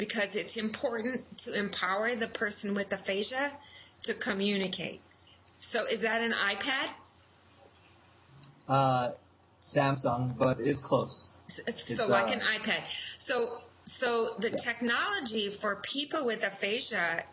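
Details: Adult speaker; ordinary speech.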